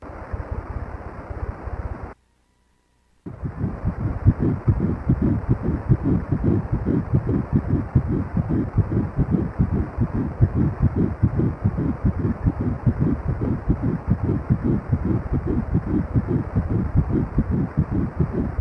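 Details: Fetal heartbeat on ultrasound at 7 weeks of pregnancy, embryo about 1 cm: rapid, regular whooshing thumps at about 146 a minute, the first heartbeat heard; mother has severe morning sickness.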